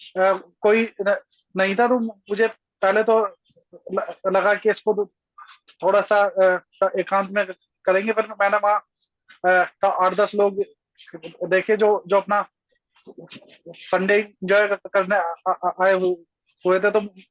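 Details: Adult male speaking Hindi; stuttering.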